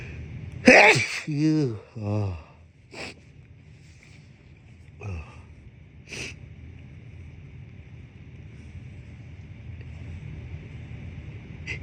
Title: Desperate hitchy sneezes